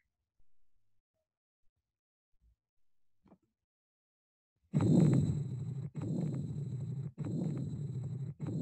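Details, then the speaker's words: Continuous murmur of patent ductus arteriosus, heard in the second or third interspace slightly away from the sternum: loud continuous rumbling through both phases of the heartbeat. "it is usually heard in the second or third interspace at a slight distance from the sternal"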